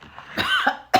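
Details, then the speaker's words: An adult coughs during a seafood mukbang, attributed to seasoning from cooking seafood sauce: a harsh, throaty cough burst, then the start of a second cough. "Listen, if you ain't sneezing or coughing, your food ain't seasoning, honey. Cuz baby, I've been coughing for an hour cooking this stuff ever since I uh made the seafood sauce."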